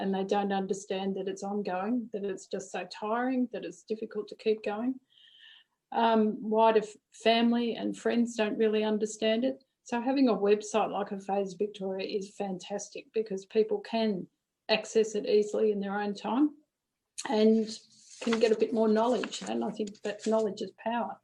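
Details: Adult woman; no disorder.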